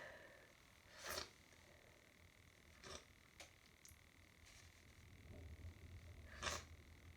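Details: Hay fever sneezing, ongoing for about an hour with a stuffy nose: three sharp, explosive sneeze bursts over a quiet room background.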